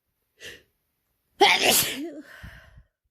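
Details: Non-binary person with a common cold for two days takes a brief in-breath, then one loud, wet sneeze trailing into a sniffly breath; increasingly desperate, messy sick sneezing.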